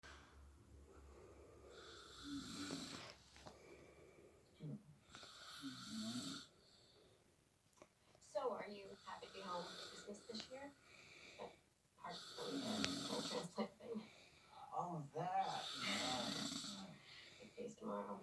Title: Granny Snoring!